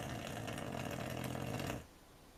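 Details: Sleeping American Cocker Spaniel puppy: one loud, rough, rattling breath that stops abruptly; snoring.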